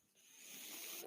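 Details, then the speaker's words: A podcast host's own mechanical ventilator is heard while he speaks: a rising airy hiss of about one second as the machine delivers a breath. "hello everyone my name is that noise hearing is my ventilator and welcome to page turners"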